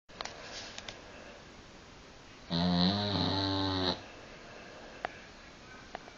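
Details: A dog snoring: one loud, buzzing, drawn-out snore lasting about a second and a half in a quiet room.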